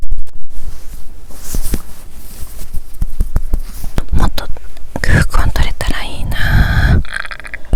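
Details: Hunger bowel sounds recorded before lunch: low rumbling and gurgling from the abdomen with squeaky, bubbling swoops near the end, natural stomach growling from hunger.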